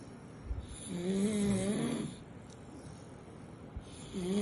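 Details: Sleeping puppy snoring: a soft, whistling snore rising in pitch, then quiet breathing before the next one starts.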